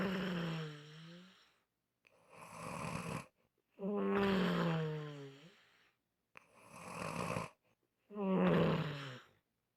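Loud, groaning, tonal snores on both breathing in and breathing out, about five breath cycles in ten seconds, with silent gaps: unusual, loud snoring.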